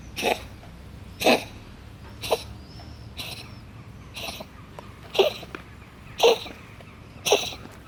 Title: Cute black cat coughs